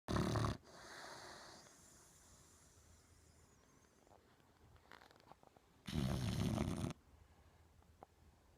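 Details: Boxer dog asleep: two loud, rough, snorting snores several seconds apart, with quiet breathing and small snuffles between; snoring.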